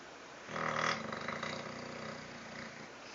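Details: Snoring: a short, low, rumbling snore with a fluttering rasp, fading out over a couple of seconds.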